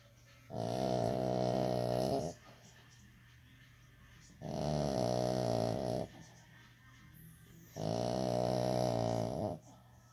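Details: French Bulldog asleep: long, loud, buzzing snores on each in-breath, about three in ten seconds, with quiet pauses between.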